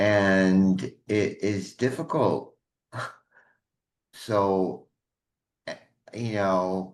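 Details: Adult man with aphasia from a stroke 21 years ago: at first unable to speak, then one word for a year, gradually more, with some lasting difficulty; aphasia.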